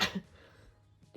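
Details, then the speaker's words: A 23-year-old woman with a bad cold that has affected her voice makes one short, sharp burst of air, a sneeze or small cough, followed by quiet room sound. "As you can hear, my voice is... She's had a rough time. And it's not because of my graduation party. It's because I have quite a bit bad... I have a bad cold."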